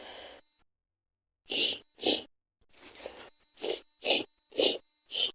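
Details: Girl sneezing: a series of short, breathy bursts in quick succession, about eight in five seconds, a run of small sneezes.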